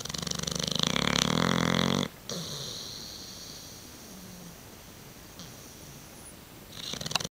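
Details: Old Tyme Bulldog named Teaki snoring: a loud, rattling, buzzy snore for about two seconds, then quieter room noise and a faint later breath.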